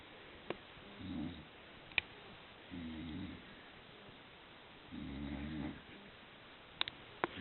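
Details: Soft, rhythmic snoring breaths: three rough snores with quiet gaps and a few faint clicks in the background; snoring.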